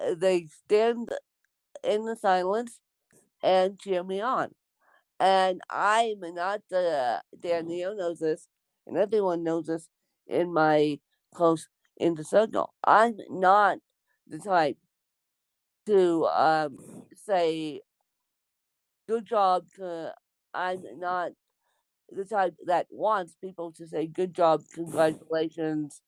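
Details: Dysarthric speech in an adult woman with congenital cerebral palsy (born with CP), real speech.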